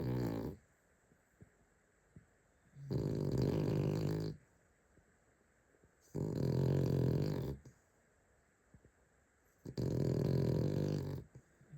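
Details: Cookie, a sleeping Cavalier dog, snoring: loud, regular rattling snores about every three and a half seconds, roughly 17 a minute, with quiet pauses between.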